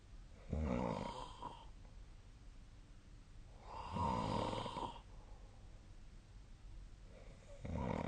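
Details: Rough, rattling snores on each breath in, about every three to four seconds, in a quiet room; ordinary snoring during sleep.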